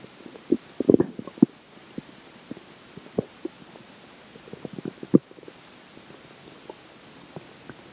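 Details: Digestion after pizza for breakfast and McDonald's for lunch: irregular gurgles and short bubbling pops from the belly over several seconds; ordinary bowel sounds.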